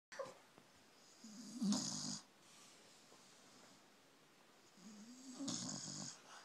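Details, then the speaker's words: Snoring in a sleeping female pit bull dog: two slow, rattling breaths with a buzzing tone on each, separated by quiet pauses. "Do you hear her snoring?"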